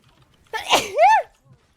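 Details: Woman's sneeze while gaming: a single voiced sneeze, a breathy burst ending in a rising and falling squeal.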